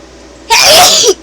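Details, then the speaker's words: Single loud, sharp sneeze, one of a sneezing fit that began right after nearly choking on a sip of tea; more sneezes followed. "first I nearly choked to death and now I'm going to sneeze my head off"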